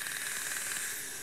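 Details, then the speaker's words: Dental water laser removing tooth decay in an 8-year-old boy, no shot or drill, live TV by a pediatric dentist; steady loud hiss with faint rapid pulsing, the zapping sound of the beam. "so that noise right there is is the beam yes so yeah the zapping sound"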